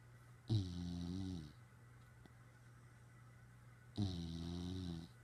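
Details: Snoring from a companion lying on top of the sleeper's head and staring: two deep, buzzing, drawn-out breaths about three seconds apart; snoring.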